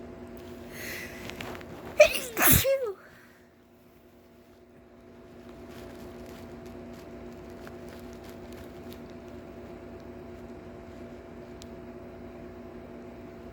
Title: sneezing again